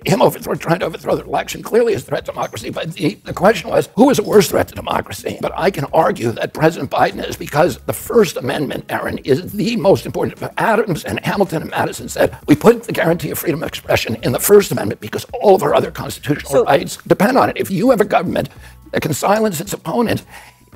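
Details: Adult male political figure (Robert F. Kennedy Jr.), real speech, said by narrator to have spasmodic dysphonia, described as a loss of his voice; spasmodic dysphonia.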